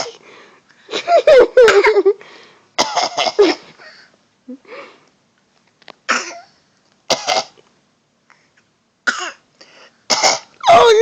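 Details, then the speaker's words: A young girl deliberately fake coughing while playing with her dad: a series of short, forced, playful coughs with voiced squeaks. "How you just know how to fake cough like that?"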